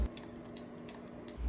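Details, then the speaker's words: Soft, quiet rhythmic ticking pulses over a low hum, about four per second and a half, from an EB29D wearable electric breast pump cycling during a mother's pumping session. "What I like about this is makikita mo yung timer mismo sa itaas and hindi siya maingay. Hindi siya maka-distract ng sleep ni baby."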